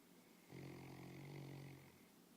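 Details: Single low buzzing snore lasting over a second against a quiet background; snoring.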